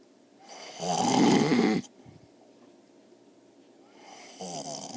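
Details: Elderly man, a grandfather described as a heavy snorer, asleep: a loud, rough snore on breathing in, then a pause before the next snore begins; typical snoring.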